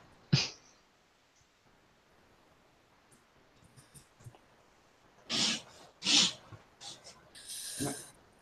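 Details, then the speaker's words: A dog's harsh, rasping hacking and snorting fit. The owner calls it an asthma attack, while another person suggests she is choking on something she found. "dog has an asthma attack in the corner here sorry about that"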